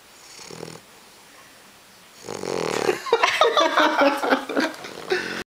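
Quiet breath sound, then a loud, rough, rattling noise on breathing that fits snoring in a sleeping animal.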